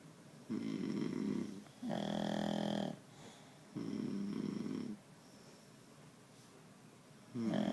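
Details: Two sleepers snoring: four rough, rattling snores about a second each, separated by quiet pauses of uneven length, in a quiet room.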